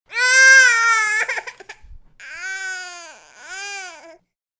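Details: Upset infant boy, sound-effects library recording: a long wail, then a break and two shorter cries.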